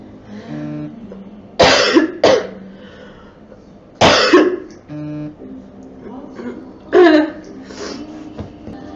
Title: Girl Coughing 406